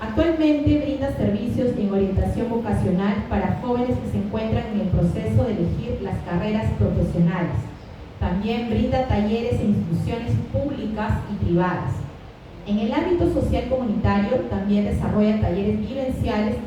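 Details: Adult woman speaking Spanish; Normal voice.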